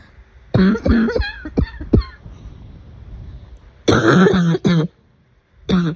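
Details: An afternoon coughing fit: repeated harsh, throaty coughs in rapid clusters, some with voiced throat-clearing sounds, between short quiet pauses.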